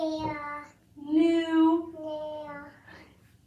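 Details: Boy aged 3 years 4 months with childhood apraxia of speech imitating a CV target; productions change markedly between two consecutive attempts and never reach the target vowel; childhood apraxia of speech (vowel errors).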